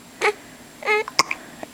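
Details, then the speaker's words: Infant hiccups, described as big hiccups, while sucking and chewing on their own fist and hand: brief, abrupt voiced catches with small clicks in a quiet room. "oh you got these hiccups big hiccups"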